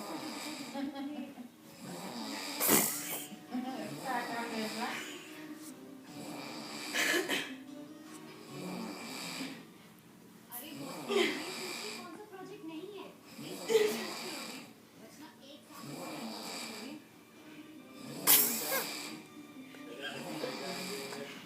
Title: Snoring! Lawnmower fail!